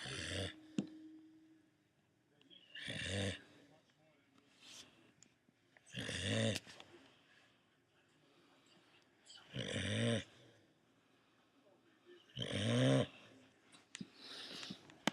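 Rough, snorting snores about every three seconds, around 20 a minute, with quiet breathing between. Snoring.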